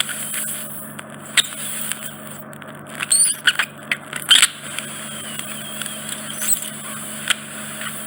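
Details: Ear microsuction of a large, deep impacted wax plug in an adult man's right ear canal, causing reduced hearing. Continuous hissing suction with a low hum, broken by squeaks and crackling bursts as wax enters the suction tip.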